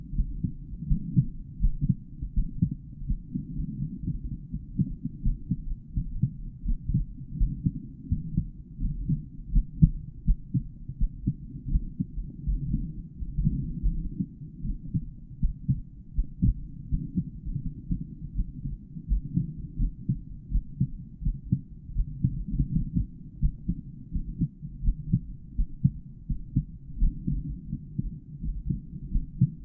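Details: Normal heart sounds of an adult male, recorded through a stethoscope with a microphone inside the earpieces, while auscultating the heart valve areas: regular low heart sounds at about 83 beats a minute.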